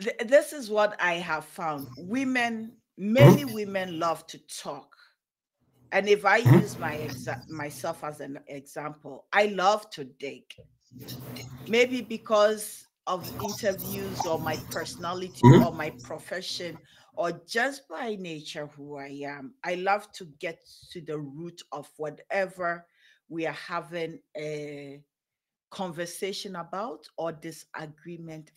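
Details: Adult female speaker; normal speech.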